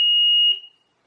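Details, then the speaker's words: Home apnea monitor for an infant girl with central sleep apnea, alarming if heart rate drops below 60 or exceeds 220 or she stops breathing: single loud piercing smoke-alarm-like tone, cut off after half a second, heard on switch-on. "And the alarm is extremely loud. It's extremely like here. It's like a smoke alarm. Yeah, it's like a smoke alarm."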